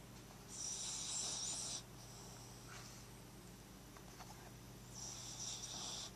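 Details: Sleeping poodle snoring softly: two long, hissy, whistling breaths separated by a quiet pause over steady room hum; recorded with a Flip Video camcorder.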